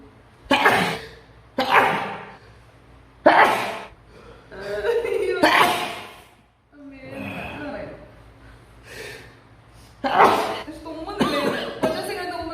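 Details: Induced sneezing during a sneezing challenge: a run of about six to eight sharp, explosive sneezes with breathy gasps between them.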